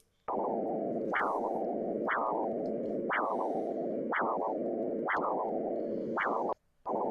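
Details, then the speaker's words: Pulsed-wave Doppler ultrasound arterial signal plotting systolic (maximum) and diastolic (minimum) velocity over time: rhythmic whooshing pulses about one a second, each rising sharply and fading; normal pulsatile arterial flow with systolic peaks. "Esto es lo que llamamos dopper de onda pulsada sobre este gráfico me está representando velocidad máxima o sistólica velocidad mínima o diastólica en función del tiempo"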